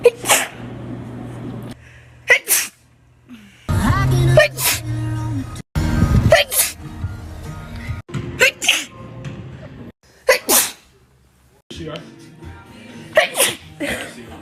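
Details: Several sharp, explosive sneezes in quick succession, some with a gasping lead-in, over background music and talk, from a short sneezing compilation.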